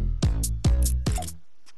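Three deep, voiced belch-like bursts in quick succession, with a musical, electronic quality; repeated burping.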